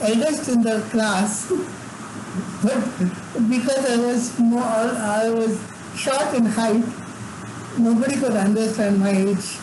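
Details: Adult man with severe cerebral palsy from birth, involuntary tremors throughout his body, and no speech until age eight: dysarthric speech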